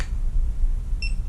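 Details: Single short electronic power-on beep over low handling rumble as a VirtuCLEAN CPAP cleaner is pressed and held to turn on, here connected to clean the CPAP machine in reverse.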